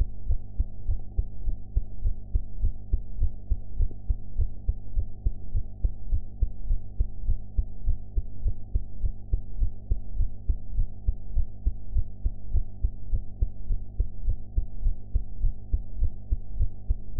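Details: Own heartbeat recorded after eating, audio enhanced: steady low thumping at about 103 beats a minute over a constant low hum; normal heart sounds, somewhat fast.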